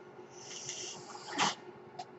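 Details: The speaker's own mechanical ventilator sound, heard in the background while he talks.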